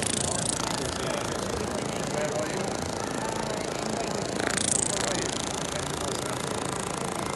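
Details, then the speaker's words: Steady fast buzzing rattle of a Storz Medical V-ACTOR pneumatic vibration massage handpiece running at 28 Hz, used without gel for muscle relaxation and pain reduction before or after shockwave therapy: pneumatic vibration massage device. "but there's another fact as well which is quite interesting and it's that I'm working at a Hertz which is at the moment 28 Hertz"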